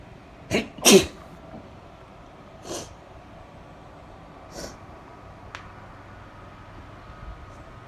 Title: Sneezing a bit